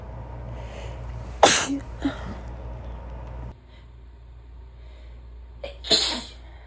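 Two loud explosive sneezes, each after a short inhaled buildup, with background road noise at the start; ordinary sneezing.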